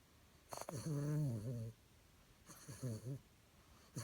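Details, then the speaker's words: Sleeping puppy snoring: low, rumbling snore with a grunting, whiny quality on each breath, in a quiet room. "Somebody's snoring. Rolly."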